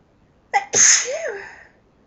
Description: More sneezes from me..... some loud, some half stifles and some talking